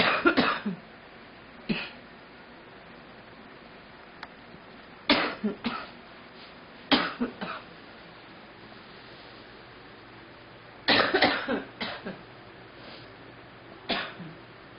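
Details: A girl coughing in repeated short bursts, grouped in clusters, in a quiet room.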